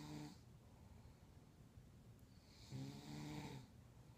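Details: Grandmother asleep: two soft, buzzing snores on the in-breath, separated by quiet breathing in a small room; ordinary snoring.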